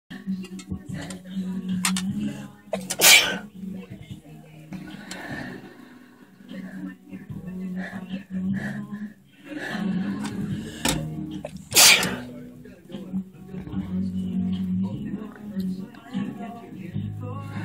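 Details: Two sharp explosive sneezes, aimed at a picture frame, over background television or music and room noise.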